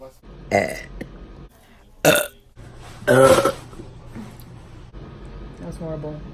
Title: Cute girl burp Compilation